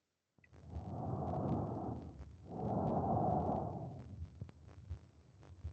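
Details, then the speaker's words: Normal tracheal breath sound auscultated at the laryngotracheal point: loud, harsh, hollow inspiration and expiration, the normal sound expected over the trachea. "Okay, eso se ausculta, como les mencionaba, específicamente en el punto laringotraquial, ¿okay? Eso es lo que nosotros deberíamos escuchar en una inspiración e inspiración normal."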